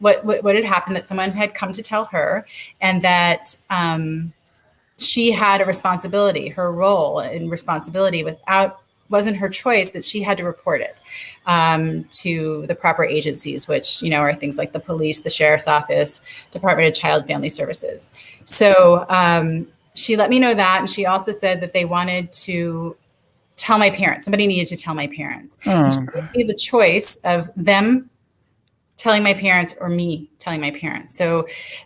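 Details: Adult woman speaking; typical speech.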